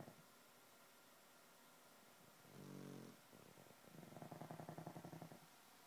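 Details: Pugs snoring in sleep, two dogs said to snore in time: a low buzzing rumble, then a longer fluttering snore with quick vibrating pulses over quiet room hum.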